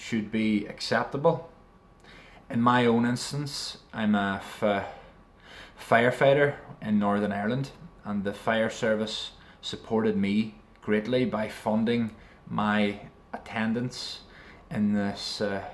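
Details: Stuttering in an adult man who has attended an adult speech therapy programme.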